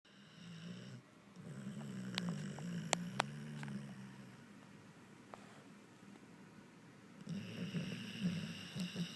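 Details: A pit bull asleep on the owner's leg snores softly with each breath, with a few sharp clicks and quiet pauses; woken, he falls back asleep within seconds and snores again.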